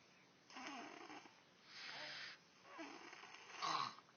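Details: Light snoring during sleep: soft, airy snores on alternating breaths in and out, with a brief whistling note at the end.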